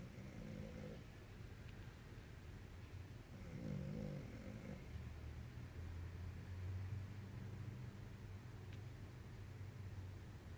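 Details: Low, rough rumbling breaths during sleep against steady room noise, consistent with snoring.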